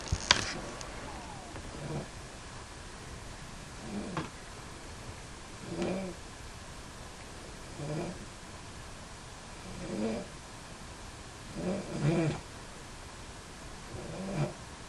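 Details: Soft, regular rasping snores about every two seconds, roughly 28 a minute, over quiet room noise from a sleeping woman making funny noises during the night; ordinary snoring.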